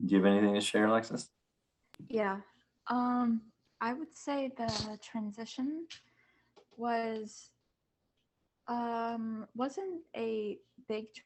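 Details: Student who stutters, speaking as a panelist among kids, teens and adults who stutter, back at school after online classes. Finding: stuttering.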